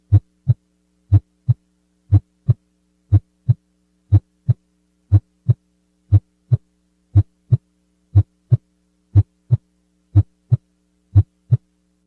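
Regular lub-dub pairs at 60 beats a minute over a steady low hum; normal heart sounds with the second sound heard at the base.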